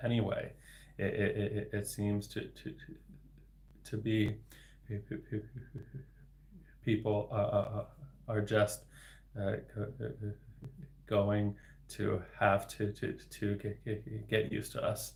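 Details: Adult man with developmental stuttering, a speech-language pathologist, speaking spontaneously in a real solo livestream; word repetitions audible; stuttering.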